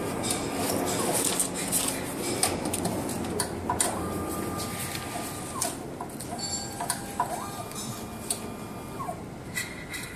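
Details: MSLAB07 automated blood analyzer during setup and startup after reagent, diluent, rinse and waste connections: mechanical whirring, clicks and motor sweeps with soft electronic tones.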